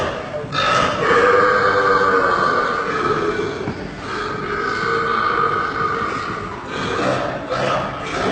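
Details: Extreme deliberate burping: long, loud, drawn-out belches running almost continuously for about eight seconds.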